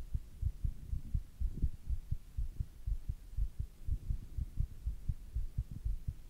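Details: Fast adult male heartbeat after squats: steady heartbeat about 120 beats per minute, a normal rise in heart rate after exercise.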